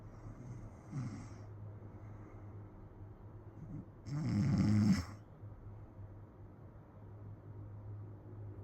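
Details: Snoring attributed to a grandmother: a soft snort followed by one longer rumbling snore over a steady background hum.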